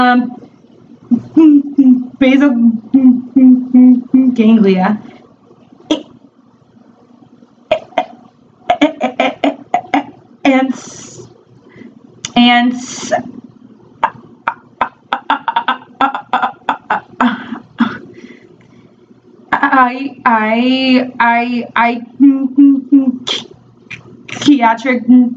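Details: Adult female speech-language pathologist who stutters reads aloud without any control technique, which she warns will be very severe, with long blocks and repetitions between words; stuttering.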